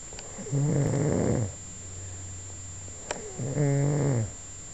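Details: Snoring: two low rumbling snores on inward breaths with a quiet pause between.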